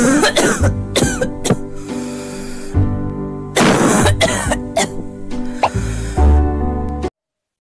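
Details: Example of a cough associated with airway swelling, breathing difficulty and voice-box involvement: several harsh coughs with throat clearing over background music.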